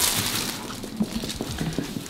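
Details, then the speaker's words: Percussion of the abdomen of a child with sore throat and fever, lying down: quick taps give a hollow, drum-like tympanic note, a normal finding. "i'm tapping on your tummy and it sounds hollow like a drum hear that"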